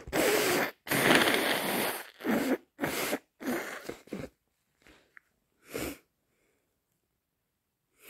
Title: Forceful, wet cold sneezes plus snotty blows